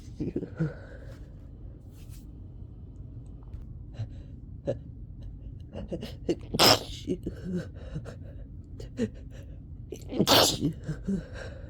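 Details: Sneezing during a summer cold, at the worst of an unstoppable sneezing bout: quiet sniffing and short catches of breath, then two sharp sneezes over a steady low room hum.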